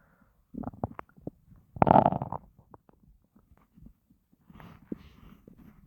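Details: Low gurgling rumbles from a starving stomach after not eating for a long time, with one louder growl in the middle; hunger-related stomach growling (borborygmi).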